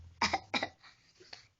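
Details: Young child (little brother) sick with a cough: two short, sharp coughs followed by quiet breathing: cough.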